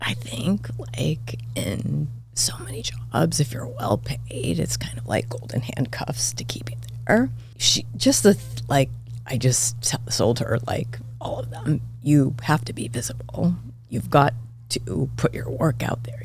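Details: Adult woman diagnosed this year with spasmodic dysphonia; vocal cord spasms make her voice cut in and out, sometimes hoarse; she attributes it partly to voice overuse as a podcast host and to stress; real, seemingly occurring during interview; spasmodic dysphonia.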